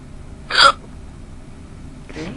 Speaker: I know how much you guys like hiccups and well I was going to do another lawn minute VCH video but these started happening so I'm like you know what I'll give my hiccup video man these feel funny